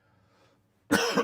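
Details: Adult man recovering from a cold, throat strained while speaking during a live show: a single loud, harsh cough after a quiet stretch.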